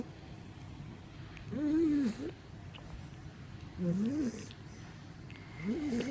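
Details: Pitbull puppy named Roxy snoring.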